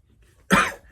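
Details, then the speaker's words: Adult's single short, dry throat-clearing cough in a quiet room; persistent dry cough began about a month ago after heavy coughing from August to November last year, triggered by cold air, perfume, smoke, or air-conditioning; doctor says throat area sensitive. "이런 헛기침이 좀 시작하게 된 거 같습니다"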